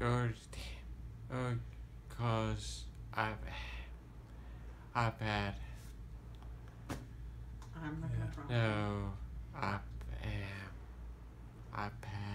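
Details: Patient with Broca's (non-fluent, expressive) aphasia who understands spoken questions, recorded during a task naming the days of the week; Broca's aphasia.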